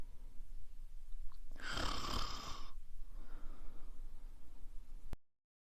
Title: Ronquidos de mujer/Woman snoring